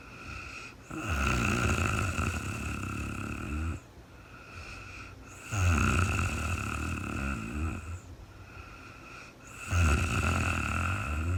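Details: Real-time recording of a woman sleeping overnight after being very tired, no talking: three loud rattling snores on inhalation with quiet gaps between, roughly 14 a minute. Snoring.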